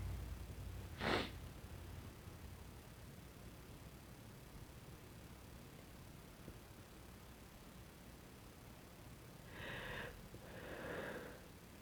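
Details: Deliberately induced sneezing with a sensitive nose, possibly getting sick: a sharp sneeze near the start, then two short breathy bursts later, against quiet room noise.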